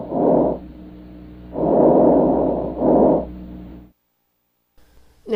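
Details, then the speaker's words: Teaching example of diminished vesicular breath sounds, which may reflect early pneumonia or mucus-filled lungs: soft, muffled breaths with shorter inspiration and expiration, no wheeze, seeming more labored than normal vesicular sounds. "did you notice the difference between a a normal vesicular breath sound and a diminished vesicular breath sound they basically sounded the same didn't they but the second sound was shorter"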